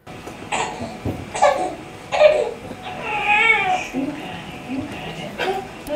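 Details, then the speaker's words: Harsh, noisy, high-pitched breaths on each inhalation in an infant: inspiratory stridor from laryngomalacia. "right so that is a very short snippet of Strider and what is Strider it's technical description is a harsh high-pitched breath sound such as one often heard on inhalation with the laryngeal obstruction"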